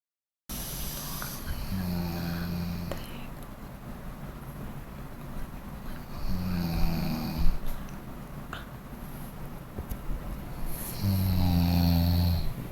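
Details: Low rattling snores recurring with breathing, about three in twelve seconds, over steady room noise; snoring.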